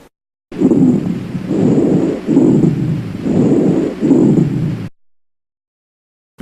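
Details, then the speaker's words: Coarse, low-pitched, continuous rumbling breath sounds through about four breaths, loud and harsh, heard best on inspiration and changed by coughing, over the trachea, bronchi and most lung fields on chest auscultation; rhonchi. "Gorgoteo. Sonidos fuertes, continuos, ásperos, roncos y graves. Se escuchan mejor en la inspiración y se modifican con la tos."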